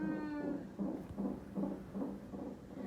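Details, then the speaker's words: Rhythmic whooshing fetal heartbeat, about 140 a minute, on a hospital monitor tracking a son's heart rate and contractions in labour with a first baby; fetal heart rate on monitor. "and they're just monitoring his heart rate and contractions right now."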